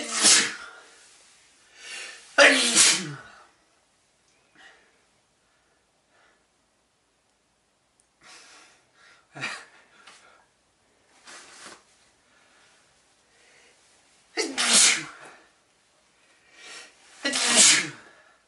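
About five sharp, explosive sneezes, some preceded by a short in-breath, with quiet pauses between.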